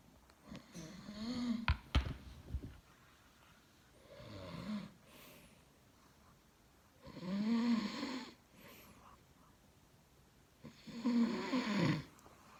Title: My sweet husband snoring on my shoulder 😂😂😂